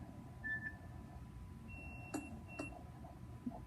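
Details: Nursing demonstration of enteral tube feeding: a few short electronic beeps and a brief tone over quiet room noise as the infusion pump rate is set and the feeding started.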